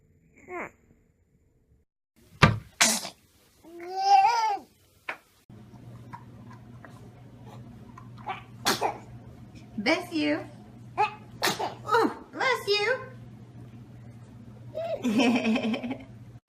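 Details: Baby's sneezes: several small, sharp sneeze bursts among cooing and babbling, with adults responding "Saúde!"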